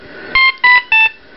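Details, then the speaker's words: Ohmeda Trustat 3500 pulse oximeter with low heart rate limit raised above the patient's current rate: three loud, evenly spaced electronic beeps with slightly shifting pitch, a distinct heart-rate tone; low heart rate alarm. "I could be in another room and be able to hear this I can tell from the tone it's given that for the heart rate"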